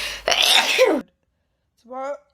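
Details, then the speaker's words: Sneeze from a person with spring allergies: a single loud, explosive sneeze with a sharp hissing burst, then a short voiced sound afterward. "I need to sneeze. This smells exactly like the Oh, I never know when a sneeze is coming."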